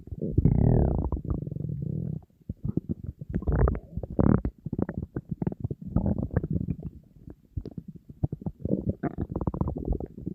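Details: Person on a diet, very hungry, with an empty stomach: loud, continuous low gurgling and rumbling with bubbling pops, normal hunger stomach growling (borborygmi).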